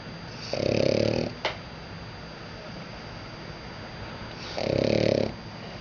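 Two loud, rattling snores about four seconds apart over steady room hum, typical snoring.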